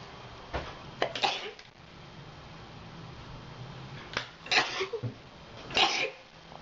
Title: Classic Sneeze